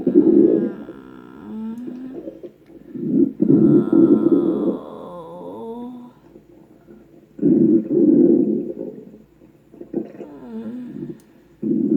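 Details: Long, loud gurgling and squeaky rumbling surges with quieter gaps in a small room; stomach growling (borborygmi).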